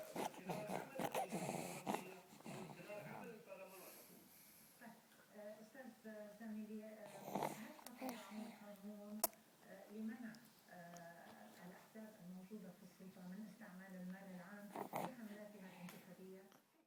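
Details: Noisy breathing in a 4-month-old girl with stridor since 4 days old, laryngomalacia, managed by waiting; resolved by itself at 11 months: repeated high, squeaky, crowing noises on each breath in, inspiratory stridor.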